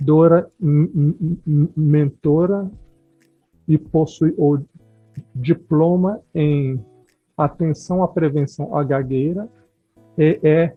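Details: Adult speaking Spanish; normal speech.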